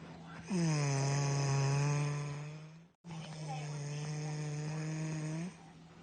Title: Snore Plane!